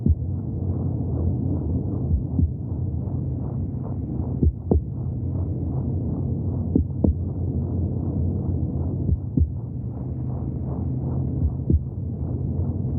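Steady, rapid, muffled whooshing pulses with deep rumbling beneath and a few clicks; rhythmic heartbeat sounds from inside the womb.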